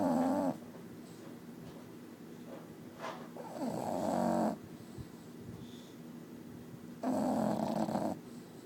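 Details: Sleeping bulldog snoring: rough, rattling snores on each breath, about three in nine seconds, with quiet breathing between. Snoring.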